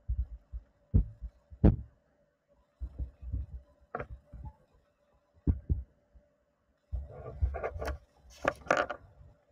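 Soft low thumps in paired beats through a stethoscope under a steady hum, then rustling contact noise; ordinary heartbeat sounds.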